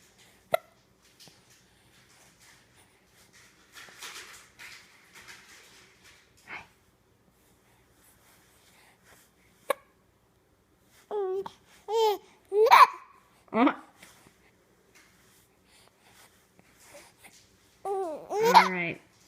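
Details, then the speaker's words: Baby, too young for sugar, with hiccups: brief sharp catches in the breath recur irregularly among soft baby vocal sounds; the hiccups come back and seem to get worse. "I couldn't understand you your hiccup interrupted you try again"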